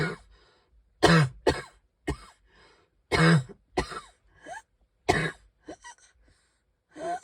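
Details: Cough in a person who says they can hardly breathe and is wheezing: about five harsh coughs with short throat-clearing sounds and quiet breaths between them.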